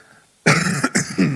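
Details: Speaker in a recorded church service, apologizing for repeated coughing, gives a loud, rough cough of about three bursts close together after a quiet pause: an ordinary cough.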